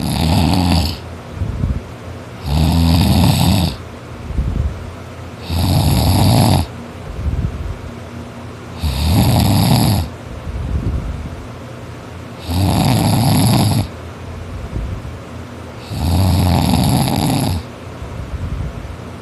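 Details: Boy snoring loudly while asleep after a tiring day of hard work: harsh, rattling snores on each in-breath, about 19 a minute, like sawing wood; heavy snoring.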